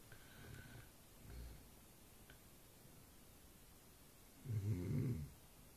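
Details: Man snoring, likened to bull elephant seals; quiet, low rumbling snores at irregular intervals in a quiet room.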